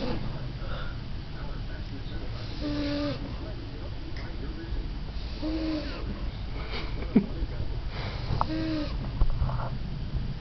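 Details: Miss Piggy, a 14-year-old French Bulldog, snoring as she falls asleep, with whistling, wheezy breath sounds about every three seconds: snoring.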